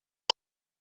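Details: AED training demonstration: a single short, sharp tick from the defibrillator's CPR metronome pacing chest compressions, heard after a shock is delivered and compressions resume.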